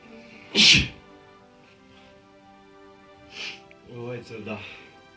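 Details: Sneezing: one sharp, high sneeze, then a softer one and brief voice sounds, over a quiet musical tone; repeated sneezing.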